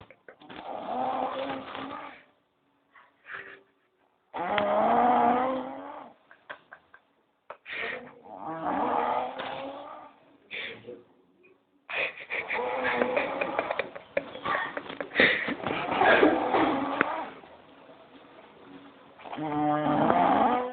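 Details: Very loud, harsh, rattling snores in irregular bursts, about 16 a minute, from a sleeping adult; heavy snoring with some background music.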